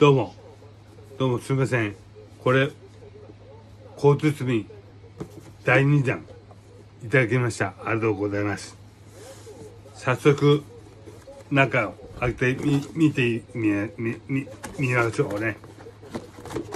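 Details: Aphasia in a man with hemiplegia and paralysis after a brain hemorrhage.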